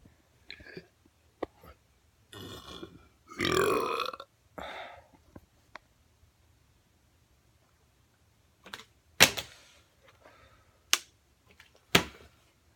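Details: Person burping during water bottle flips: several loud, drawn-out burps with short pauses and clicks between them.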